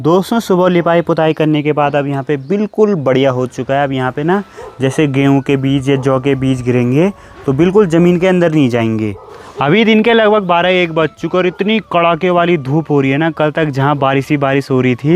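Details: Adult speaker; normal speech.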